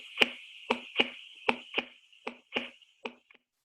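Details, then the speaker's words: Cardiovascular exam lecture demo: regular paired lub-dub heart sounds at about 77 beats a minute. Normal S1 and S2 heart sounds. "ya ahora en la siguiente diapositiva vamos a escuchar algunos sonidos r1 y r2 que es el lupus es el clásico se escuchas de esta manera"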